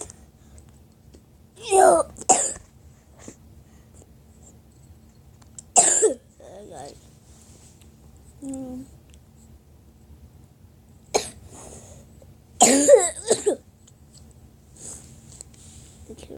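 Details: Several harsh cough bursts with throat clearing, separated by quiet pauses; the person says they were coughing a lot. Repeated coughing.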